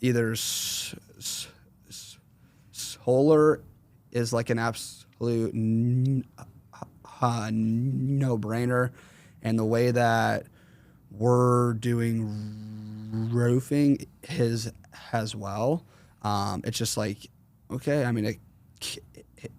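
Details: Man, 21, with a severe stutter since 4th grade; severity varies and is worse when he consciously processes what he says; stuttering.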